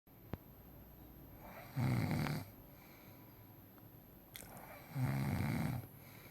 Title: Snore Challenge